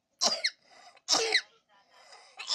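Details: Four-year-old boy with two-day persistent cough: sharp, high-pitched squeaky whistle-like coughs from an inhaled toy whistle lodged in one lung, which X-ray showed hyperinflated; whistling cough from inhaled foreign body.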